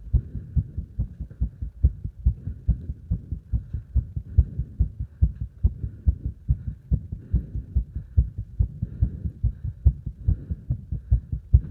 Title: 呼吸音強めな運動中の心臓音